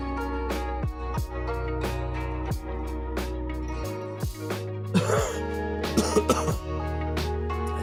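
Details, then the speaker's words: An adult with a fever gives a few short, harsh coughs and throat-clearing bursts that break through steady background music. "don't think I muted my mic and you can hear me coughing."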